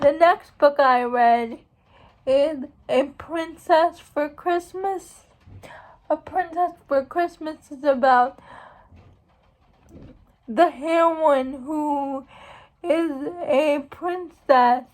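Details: Speech of a young woman who states she has cerebral palsy; speech in cerebral palsy (dysarthria).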